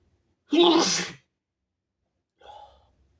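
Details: Single sneeze by a person lying in bed: a sharp intake, then one loud explosive sneeze and a faint breath afterward in a quiet room.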